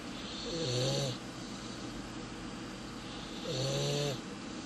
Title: Snoring Puppy